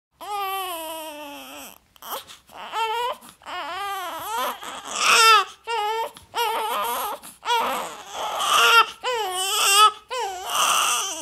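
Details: Infant crying in repeated wailing bursts with short gasping pauses between them; sound-effect recording.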